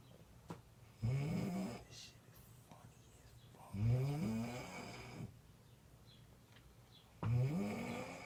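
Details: Snoring during sleep: three deep, rumbling snores with rising pitch, about one every three seconds, quiet between them.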